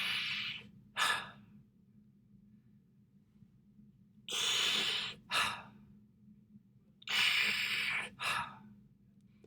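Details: Constant-flow (square-wave) ventilator breath imitation.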